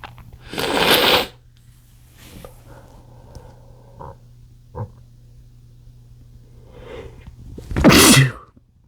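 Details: Two loud explosive sneezes with a few smaller, muffled sneeze attempts between them from a male trying to stifle sneezes triggered by chikni powder; repeated sneezing that could not be held back.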